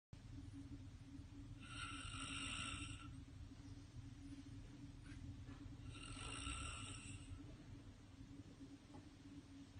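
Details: Two soft, drawn-out rasping breath sounds over steady low room hum, from quiet snoring during sleep in Moscow.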